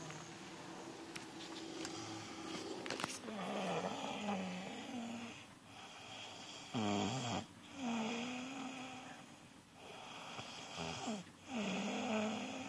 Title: Snoring machine